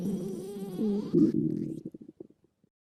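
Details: Stomach growling after eating a burger: low, gurgling rumble with shifting pitch, then a rapid series of fading bubbly pops as gas moves through the gut; borborygmi.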